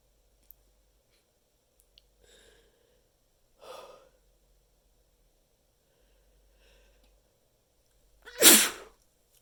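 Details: A few soft, held-back puffs, then one sharp muffled sneeze into a handful of tissues near the end, from a stuffed-up person in a quiet room; stifled sneeze.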